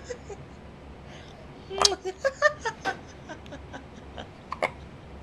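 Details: First hiccups: a quick cluster of short, sharp voiced bursts, several close together over a few seconds, amid faint room noise; hiccups, possibly mixed with laughter.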